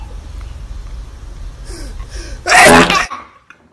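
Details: Brief intake of breath, then one loud explosive burst; a single sneeze.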